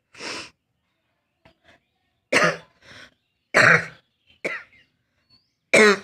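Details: Real coughing from an adult with a cold, recorded on a rooftop: about five harsh, separate coughs over six seconds with short throat-clearing between, throat burning and becoming breathless; cough.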